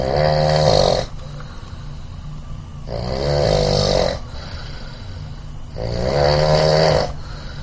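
Loud rattling snores on each breath in, about three over 7.6 seconds, with quieter breathing between them and a steady hum in the room.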